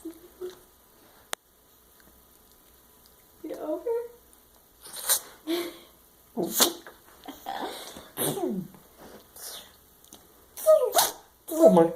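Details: A run of short, sharp, explosive nasal bursts in quick succession, some with squeaky whines, from a small Yorkshire terrier; repeated sneezing.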